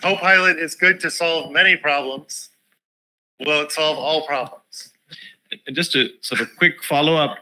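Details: Adult male speaker; ordinary speech.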